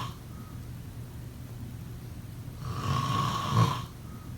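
One loud, rough, rattling breath-in snore over quiet room noise; snoring.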